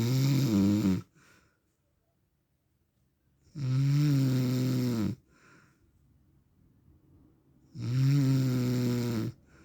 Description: This video recorded my husband annoying snoring noise for 10 minutes.